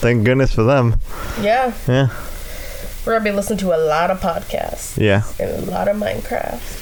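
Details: Adult speaker; typical speech.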